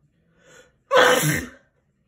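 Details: Father's Day sneezes: a soft breath in, then one loud, explosive sneeze.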